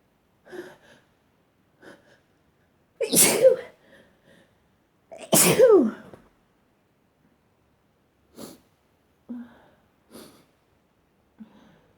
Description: 5 minutes of me sneezing.😇